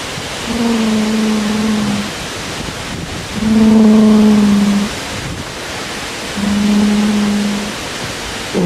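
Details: Snoring: a loud snore during sleep; the sleeper is then woken and asked whether they were dreaming.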